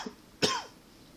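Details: Single short dry cough after faint throat sound, no rattle or wheeze; tickly cough the person attributes to allergies and partly to smoking.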